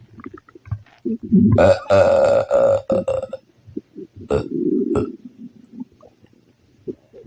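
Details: Several loud, drawn-out burps with low gurgling between them: frequent belching from an upset stomach after eating spicy food, with the tummy also growling.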